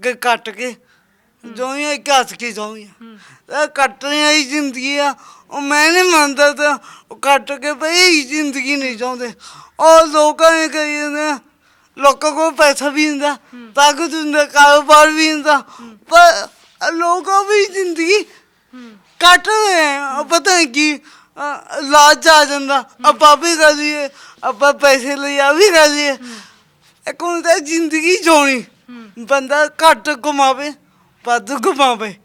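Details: Stammering present since birth in a young Punjabi man with a disabled hand.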